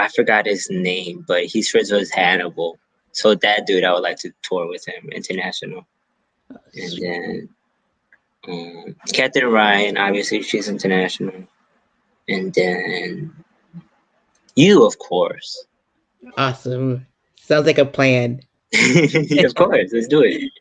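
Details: Adult male stand-up comedian with a self-reported stutter, speaking in an interview; stuttering.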